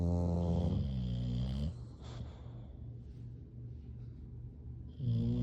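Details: Sleeping English bulldogs snoring: deep, rumbling, throaty snores with a buzzing rattle, with quieter stretches between loud snore bursts.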